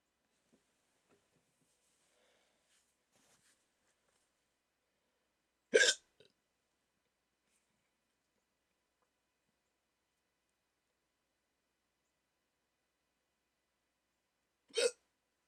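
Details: Adult with sleep apnea waking from sleep with CPAP mask, during a 14-minute bout of hiccups: two sharp, abrupt hiccups about nine seconds apart in a quiet room; hiccups.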